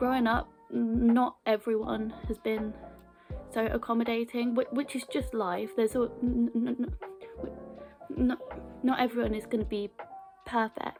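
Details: Stammering (stuttering) in a woman, onset around age 11 or 12, with blocks and repetitions; she has had therapy.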